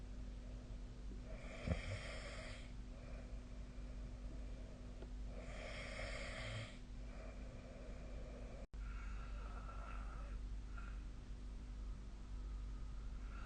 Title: 🐽 本日のイビキ / Snoring Sleep Sound 2025/03/30